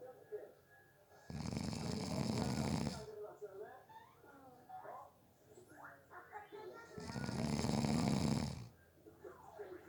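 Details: Person who overslept after a brief nap; two long, loud rattling snores on breathing in, about six seconds apart, with faint talk and room noise between them; snoring.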